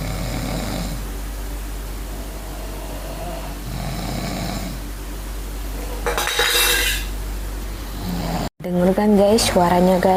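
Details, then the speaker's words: Child snoring alongside father, both asleep, the child just after saying they couldn't sleep; snoring. "ini bapak sama anak sama-sama ngorok."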